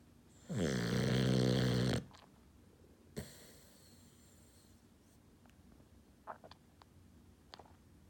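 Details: An about 6-month-old rescue, described as not a quiet sleeper: one loud rattling snore on an in-breath, then quiet breathing with a few faint clicks; ordinary snoring.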